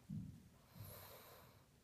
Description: Sasha the pug snoring LOUDLY, until I wake her up...and she grumbles at me.